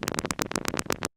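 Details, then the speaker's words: EMG speaker output with a needle in muscle as the patient voluntarily contracts it: dense, rapid crackling pops of many motor units of normal duration and height; normal motor unit recruitment. "then we ask the patient to make them move the muscle and this is our normal recruitment will look like"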